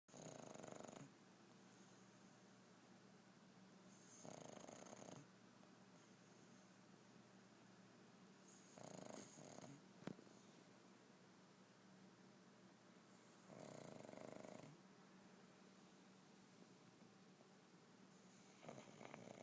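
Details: Soft, hissing snores about every four to five seconds (~13/min) from Tikva, a sleeping pug, noisy breaths through a narrowed airway; quieter than in real life; snoring.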